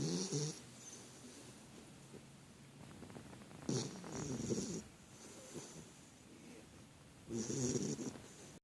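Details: Loud, rattling snores recur about every three and a half seconds with quieter breathing between, from a sleeping pet; big snore.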